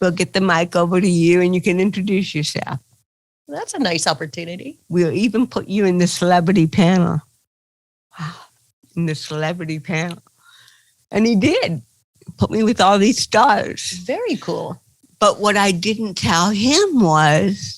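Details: Adult woman comedian with cerebral palsy, real (not acted), retelling her first stand-up comedy routine; dysarthria (cerebral palsy).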